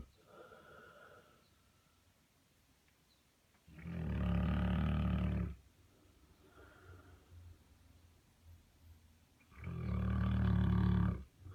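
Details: 130 lb Saint Bernard sleeping in a clawfoot tub: two loud, deep, rattling inspiratory snores about six seconds apart with quiet breathing between; ordinary dog snoring.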